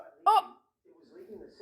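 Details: A single short, sharp voiced hiccup, then quiet room sound, during a long bout of persistent hiccups that tricks to stop them failed to end; hiccups.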